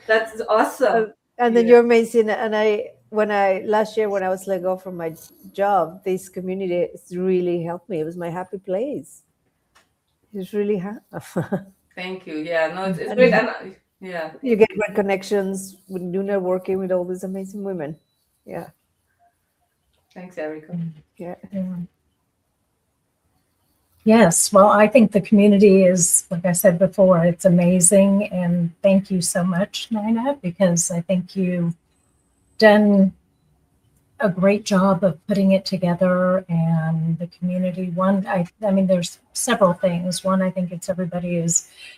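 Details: Adult woman with a stutter present since childhood. Stuttering.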